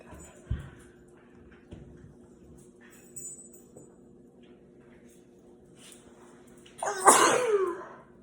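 Quiet room with soft sounds, then one loud explosive sneeze with a vocal tail near the end.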